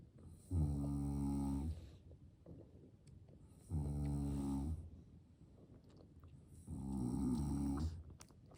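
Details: Father sleeping while a baby is nearby: three deep, droning snores on inhalation, about 19 per minute, with quiet breathing between; steady sleep snoring.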